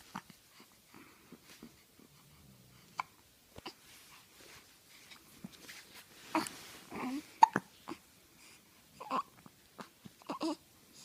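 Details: Hiccups: quiet, brief, sharp catches in the throat at irregular intervals in a small room.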